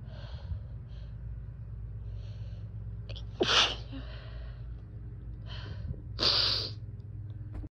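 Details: Two sharp sneezes from an adult, each with a quick inward breath before it, after opening a window while the lawn was being mowed, over a steady low background hum.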